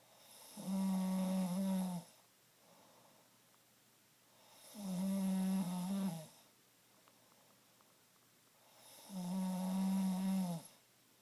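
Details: Adult husband's nightly snoring, recorded in a dark bedroom while he slept: three loud, rattling snores on the in-breath, about 14 breaths a minute, with quiet pauses between; snoring.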